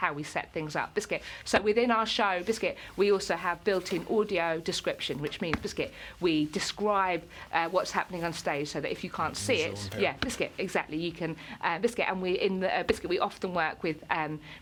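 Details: Involuntary vocal tics in an adult woman with Tourette syndrome; her main tic word "biscuit" occurs up to 16,000 times a day, alongside tics such as "hedgehog" and "cats" and occasional swearing.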